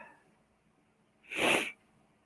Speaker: I gotta sneeze. Bear with me. Oh, diddly. Whew.